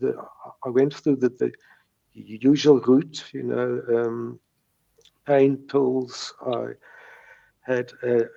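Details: Stuttering since age three in a man in his 70s, with mild speech blocks that persist.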